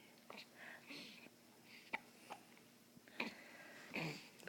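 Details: Hiccups in a baby just after feeding and burping: soft, brief, sharp catches recurring every second or so between quiet whispered sounds.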